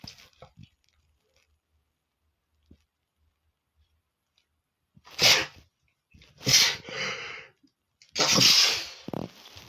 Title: male sneezing #23 ( I GOT FLU 😞😞)